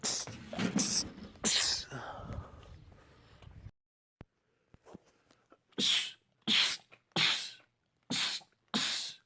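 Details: Male, from a compilation of rapid sneezing attacks in men: several sharp, explosive sneezes in quick succession after a brief pause; repeated sneezing fits.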